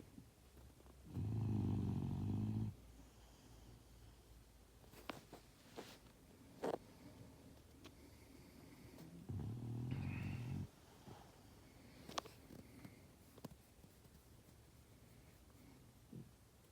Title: Snoring like a Queen #dog #funny